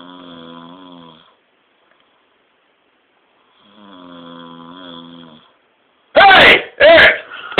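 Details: Two long, tonal, buzzing snores from a sleeping friend, a pause, then two loud shouted bursts as a wake-up prank; snoring followed by yelling.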